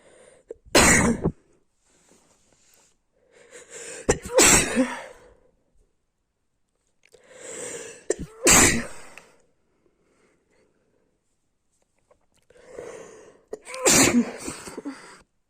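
Four sneezes, each a rising in-breath then a sharp explosive burst, spaced a few seconds apart; repeated sneezing with a cold.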